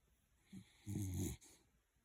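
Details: Brief low rumbling snore with a soft snort before it from a sleeping Jack Russell terrier dog, possibly dreaming.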